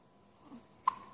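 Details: One-week-old baby with hiccups: one sharp, brief hiccup after quiet room noise.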